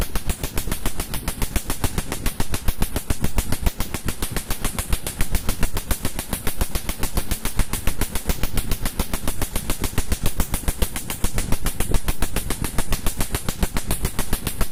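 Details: Rapid, regular snapping pulses, about three to four per second, from a laser firing on a man's skin during permanent tattoo removal, a treatment said to need three to four sessions depending on ink depth.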